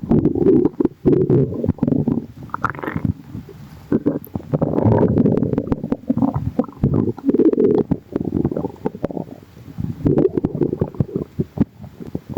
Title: bubbly🫧 | stomach growling